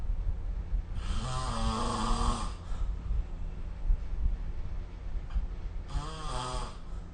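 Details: Snoring during sleep recorded with the SnoreLab app: two long, rough, rattling breaths in, about five seconds apart, over steady low room hum.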